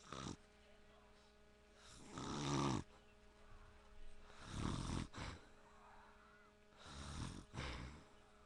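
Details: Adult man (a father) snoring: loud, rough, low-pitched inhaled snores recurring irregularly about every two to three seconds, with steady room hum; snoring.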